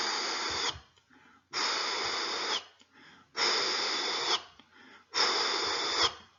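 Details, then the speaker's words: Spoken auscultation teaching: four vocal hissing bursts of steady, even loudness with abrupt start and end, a voiced imitation of a holosystolic plateau murmur, heard in mitral or tricuspid regurgitation and in ventricular septal defect. "este tipo de soplos se ausculta en las insuficiencias auriculoventricular es o sea cuando hay una insuficiencia de la válvula mitral o de la válvula tricúspide se oye este tipo de soplo"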